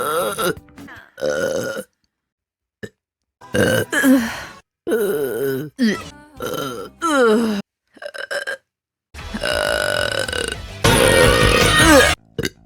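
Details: Female live-streamer burping compilation: a string of loud, drawn-out voiced burps with short pauses between, over background music; repeated burping.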